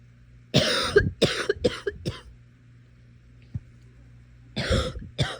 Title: Netflix and coughing